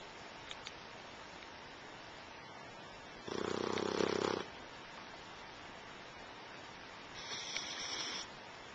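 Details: Two rattling snores on the in-breath over a steady background hiss, the first louder; loud snoring in a sleeper.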